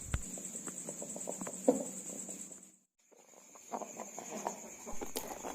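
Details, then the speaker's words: Chicken heard at night during coop check, loud snoring respiratory sounds with rapid rattling clicks, acute respiratory disease (ngorok). "pada saat pengecekan kandang di malam hari terdengar suara mendengkur pada salah satu ayam kurang lebih pada waktu 08.00"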